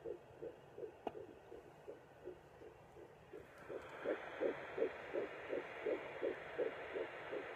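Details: Fetal heartbeat on home Doppler at about 10–11 weeks of pregnancy, mother trying not to move: rapid, regular whooshing pulses about 165 a minute over Doppler hiss.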